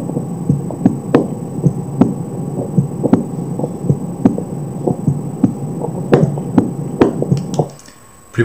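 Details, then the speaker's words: Normal heart sounds at the mitral focus, possibly with the patient lying on the left side: regular, distinct first and second sounds, no third sound, some background noise. Real or simulated not stated. "e segundo são bem individualizados sem terceiro sol algum ruído G1"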